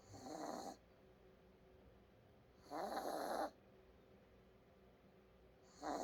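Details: Sleeping pet dog snoring: rough, rattling snores in regular bursts about every three seconds, roughly 20 a minute, with quiet pauses between.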